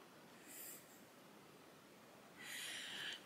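Two airy, snorting breath noises from a sleeping dog, heard as snoring in a quiet room.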